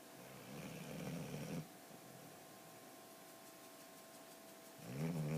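Low, rumbling snore on the breath, a quiet pause of about three seconds, then another rattling snore; a dog snoring during sleep.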